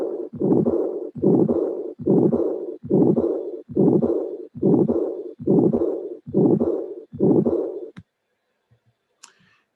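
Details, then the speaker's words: Harsh murmur of combined aortic stenosis and regurgitation, a mixed aortic defect: loud, long murmurs recurring about 70 times a minute and filling most of each cardiac cycle. "Aortic stenosis can be also the results of a mixed defect that is aortic stenosis and regurgitation. Here it is."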